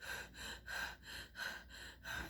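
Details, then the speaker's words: Woman with Covid pneumonia reenacting her labored breathing: fast, heavy, gasping breaths in quick regular cycles. She could feel it in her lungs, could not sleep, and had stabbing chest pain. "is how my breathing was um i i could feel it in my lungs"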